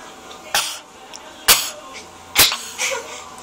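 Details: A child giggles and coughs, with three sharp cough bursts and a softer fourth breaking into the laughter, a laughter-induced cough.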